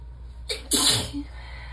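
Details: Short inhaled catch, then one loud, wet, uncovered sneeze with faint trailing sound; part of a relaxed, untensed sneezing fit while warm and sleepy in the tub.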